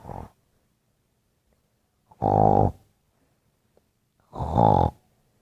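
Loud, deep, vibrating snores on each breath, about every two seconds, separated by silence; heavy snoring.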